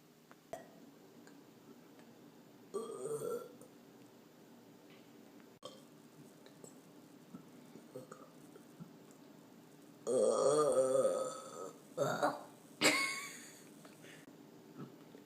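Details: Repeated burping: several low, throaty belches at irregular intervals, some long and rumbling, in a quiet room.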